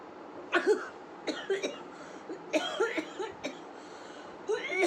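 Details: Woman with a cold: several bouts of short coughing mixed with throat clearing, six or seven bursts, after tickling her nose with a toothpick; breathless afterward; irritative cough.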